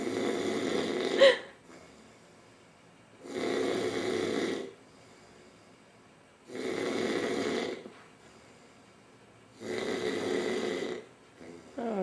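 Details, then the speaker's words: Adult man, a visiting uncle, snoring loudly in his sleep overnight: loud, rough snores on each in-breath, about four in twelve seconds, with quiet pauses between; snoring. "He's gonna kill me. But he's so freaking loud. Who can sleep?"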